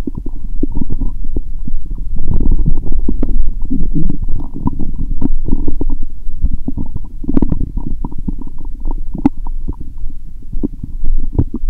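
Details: Bowel sounds (borborygmi) heard through a stethoscope placed gently on the abdomen while lying down after drinking lots of lactic acid bacteria drinks: stomach rumbling a lot, getting louder, various sounds in various places.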